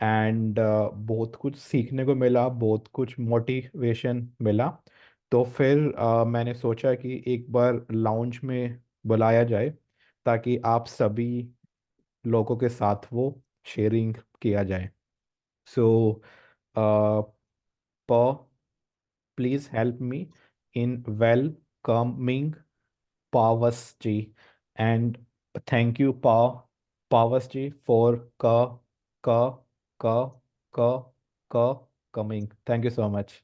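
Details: 24-year-old man who stammers, self-rated medium severity, speaking Hindi with part-word repetitions; stuttering.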